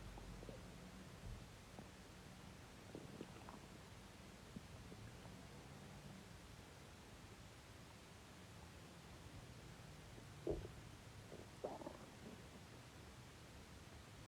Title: man stomach growl 23